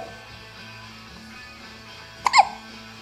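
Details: A single sharp hiccup near the end, over quiet background music: hiccups.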